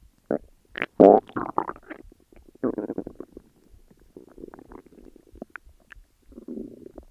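Loud, bubbling, rumbling growls in bursts with quieter gurgling runs; ordinary stomach growling.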